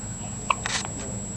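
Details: One brief, abrupt hiccup squeak followed by soft breathy sounds from a baby girl with hiccups, against room noise.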